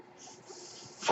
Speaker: That noise you hear is my ventilator.